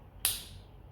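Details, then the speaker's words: A single sharp click as a needle-free pressurized injection pen for botulinum toxin is pushed fully in to build pressure, in a training demonstration. "E aí como que eu vou fazer para dar pressão na caneta de 3 questões eu vou jogar ela toda para dentro"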